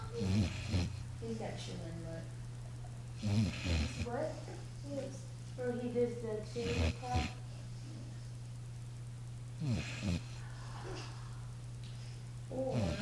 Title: Snoring dog